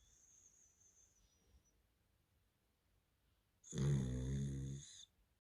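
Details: Sleeping dog snoring: quiet room, then a single loud, rattling, buzzy snort lasting over a second.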